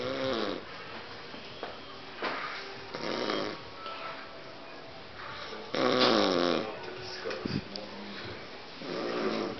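Irregular snoring and snorting sounds, roughly every few seconds, with some background music. Snoring.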